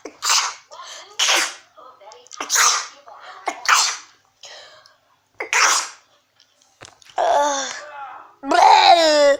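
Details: Rapid series of about six sharp, explosive sneezes in a row, followed by voiced sounds; repeated sneezing.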